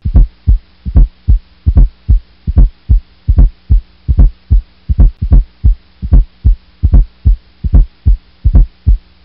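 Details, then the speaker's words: Regular heartbeat near 75 a minute with a soft low extra sound just before each first sound, an S4 gallop ("a stiff wall" cadence), played as a nursing heart-sound teaching example. "another good mnemonic to remember the cadence and the pathology of an s4 is a stiff stiff 1/5 are being s for spiff being s1 and well-being as to practice saying a fifth wall a stiff wall allowed as you listen to this here is s"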